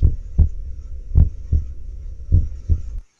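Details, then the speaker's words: Normal first and second heart sounds from a stethoscope synced with ultrasound and ECG: clear paired lub-dub beats at about 52 a minute. "we're seeing here a stethoscope with ultrasound so you can actually see it means that you know what's causing the first heart sound you can time you can do so many things with this"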